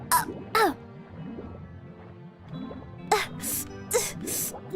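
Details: Streamer deliberately trying to sneeze, feeling lightheaded: several sharp, explosive sneeze-like bursts over background music, with fake or stifled sneeze attempts between; sneezing.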